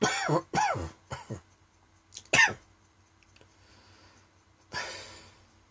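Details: Afternoon dry coughing fit: a run of about five harsh, dry cough bursts in quick succession with throat clearing, in a quiet room.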